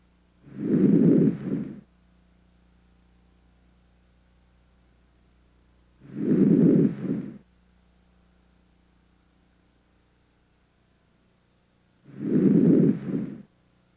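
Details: Three soft, low-pitched breaths through a stethoscope on auscultation of the anterior chest during an examination, with quiet pauses between: normal breath sounds.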